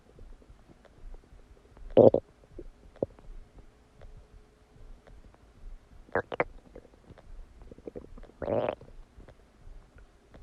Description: Massive stomach digesting sound after eating a cheeseburger!